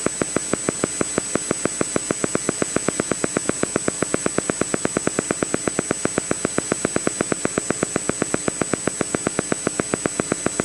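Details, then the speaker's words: EMG teaching recording: a single motor unit gives steady, regular sharp clicks over a constant hiss, speeding up from about 6 to 8 Hz, still within normal for one unit; motor unit firing with increasing rate. "so it's up to about eight Hertz doesn't change a whole lot your ear can can hear that change it's very sensitive to mile changes there I'll play that again six to eight Hertz"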